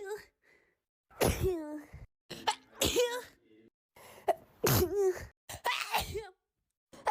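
A series of about five sharp sneezes, each opened by a quick in-breath with a voiced catch, separated by brief pauses.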